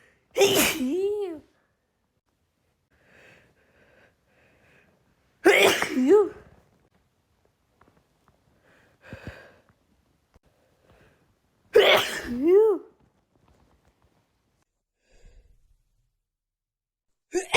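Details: Female with pollen irritating her nose, in an uncontrollable sneezing fit: three forceful sneezes about six seconds apart, each with a sharp intake and voiced burst, with faint sniffs between.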